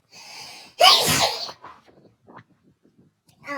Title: Sneezing causes world domination